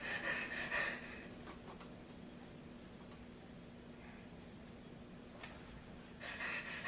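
Imitated quick noisy breaths, a pause of several seconds, then breathing resumes: an erratic, uncontrolled breathing pattern.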